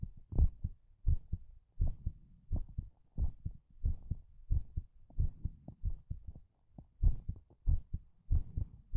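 Steady paired low thumps at about 90 beats a minute, a regular heartbeat.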